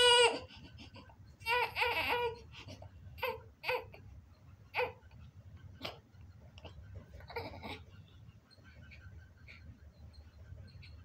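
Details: Newborn baby boy's first cries after birth: several high, strained crying bursts with pauses between them.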